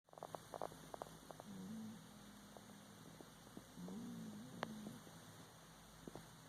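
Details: Snoring sound during sleep.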